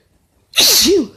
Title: Bf sneezes allergies or cold? (M)